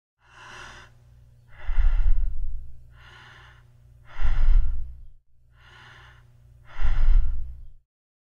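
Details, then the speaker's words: Imitated normal breathing pattern (eupnea) as a baseline: even, regular breaths with soft inhalations and fuller exhalations. "first we'll have to be familiar with the normal breathing pattern you Pinilla and this will be our baseline I think goes something like this"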